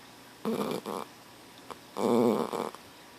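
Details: Sleeping dog snoring loudly: two loud, rattling inspiratory snores with a quiet gap between them.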